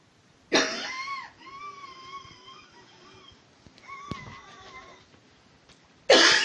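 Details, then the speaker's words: Severe bronchospasm, possibly allergic/anaphylactic, in a female patient before 0.3 mg epinephrine 1:1000: long high musical inspiratory wheezes, each broken by a harsh cough as the airway closes on expiration. "listen to her inspiratory and expiratory phases despite inspiratory wheezing she can get a decent amount of air in with each inhalation however during expiration her airway closes down so much there isn't enough air movement to create a wheezing sound instead she just coughs"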